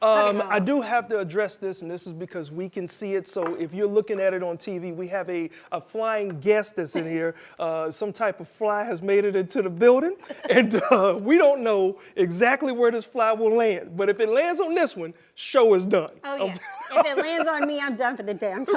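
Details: Adult speaker, television host; normal speech.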